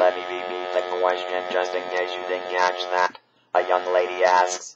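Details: Possibly electrolarynx speech from a man who had his vocal cords removed and uses an artificial larynx; this stretch may instead be synthesized text-to-speech.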